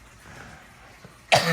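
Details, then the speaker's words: An adult still coughing after a lingering cough, with one sudden harsh cough after a quiet room. "honey I'm still coughing like a this is terrible I know it"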